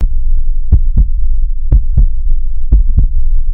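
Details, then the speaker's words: Normal heart sounds recorded with a microphone held near the chest: regular paired lub-dub beats at about 60 a minute over a low hum. "यह दिल की आवाज होती है लब dub लब डब ये एग्जाम में पूछा गया है कि दिल की आवाज कैसी होती है"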